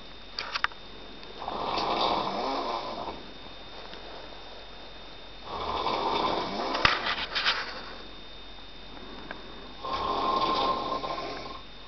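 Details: A man snoring on a sofa in the dark: three loud, rough, fluttering snores on the in-breath, about four seconds apart (roughly 14 breaths a minute), with quiet pauses between them: heavy snoring.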